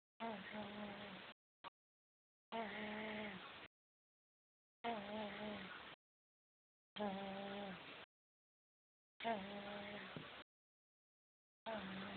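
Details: Rhythmic, droning, buzzing snores about every two seconds, each about a second long, roughly 26 breaths a minute; snoring.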